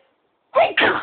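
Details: Person sneezing: a single short two-part sneeze, a brief intake sound then a sharp burst of air, after a moment of silence.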